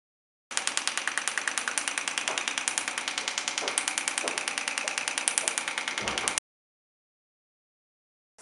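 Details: Rapid, regular sharp clicking pulses at about 200 per minute for six seconds from a shock wave therapy device, which uses acoustic waves to treat musculoskeletal disorders.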